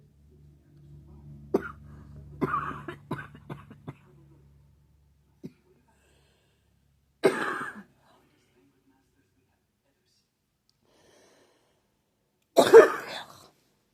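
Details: An adult with seasonal allergies gives a few short throat-clearing bursts, then two separate harsh coughs after long pauses.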